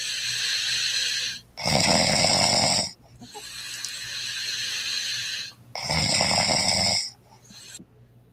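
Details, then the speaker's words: Wife snoring on her wedding night, recorded by her husband: rasping whistly inspiratory snores, about two in eight seconds, with softer hiss between; snoring. "this guy said my wife's snoring on her wedding night let's hear this"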